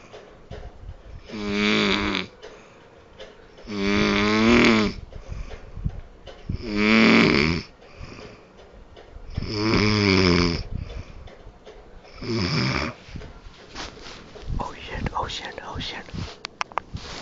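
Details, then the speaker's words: Adult man (father) snoring loudly while asleep at night, recorded by his child: five loud rattling inspiratory snores every two to three seconds, quiet pauses, faint rustling at end; snoring. "So he's sleeping with me and I'm going to have my revenge cuz his snores are like killing me and I'm going to videotape them and freaking whatever and put it on YouTube."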